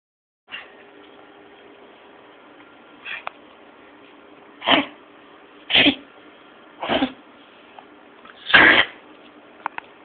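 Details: Jack Russell Terrier with kennel cough (canine infectious tracheobronchitis): about five short, forceful hacking coughs over ten seconds.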